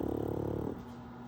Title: KingPug snoring while pug puppy Wolverine plays in the background.